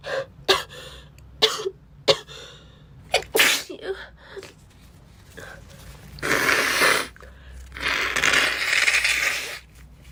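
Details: Girl sneezing (labelled "15"): several sharp sneezes with quick in-breaths between, then longer noisy blowing or wiping sounds; a bout of sneezing.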